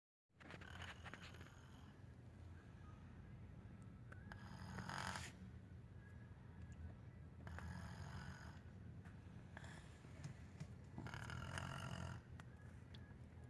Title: My snoring sis